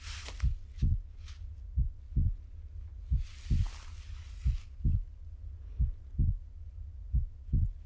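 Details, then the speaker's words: Acted ASMR check-up by a male nurse, stethoscope on the front of the chest: regular paired heart sounds at about 45 a minute, declared totally normal. "Okay, great. So now we're done that part and there was nothing to worry about. It's totally normal."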